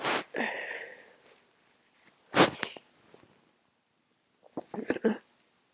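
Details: Person sick again, very congested and tired: a sneeze with a drawn-out breathy tail, a second forceful sneeze, then wet sniffing.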